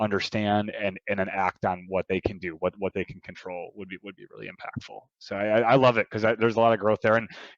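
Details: Adult male who stutters, with audible sound repetitions; he reports his stuttering involves blocks and repetitions, with eye closing and arm movements during blocks; stuttering.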